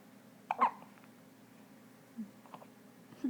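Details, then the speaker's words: Brand-new newborn baby with hiccups: brief, sharp little catches a few seconds apart in a quiet room. "Oh no, hiccups."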